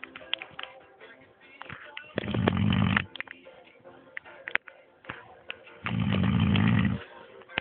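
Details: Man snoring in sleep: two deep, rattling inhaled snores about four seconds apart, with music and clicking sounds in the background.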